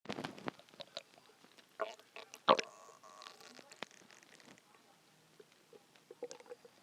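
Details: Loud hungry stomach growling, borborygmi, recorded as a big one came: irregular gurgles, squeaks and rumbles from the belly over several seconds. Normal bowel sounds.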